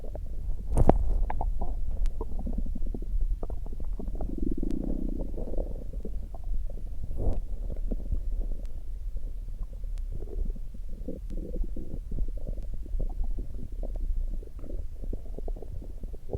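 Continuous low gurgling and rumbling from the abdomen, ordinary stomach growling from gas and fluid moving through the gut.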